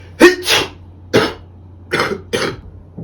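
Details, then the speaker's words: Adult man with a rapid sneezing fit, which he attributes to allergies: about five short, explosive sneezes in three seconds. "hey bless you bro bless you appreciate it bro damn bless you [ __ ] thank you bro these allergies been beating my ass bro I swear"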